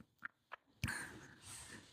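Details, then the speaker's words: Sleeping Bulldog snoring beside the speaker: two brief snorting puffs, then a longer rough, rattling breath, with faint room noise. "Et je sais pas si tu entends, il y a mon chien qui ronfle à côté."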